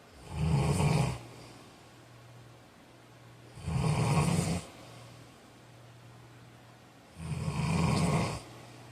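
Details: Snoring during sleep: three loud, low, rumbling snores on the in-breath, about 3.3 seconds apart, roughly 18 breaths a minute.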